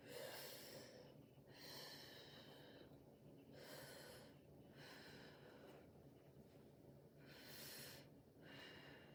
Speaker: okay lungs are clear to auscultation no adventitious living sounds such as crackles are wheezing to be noted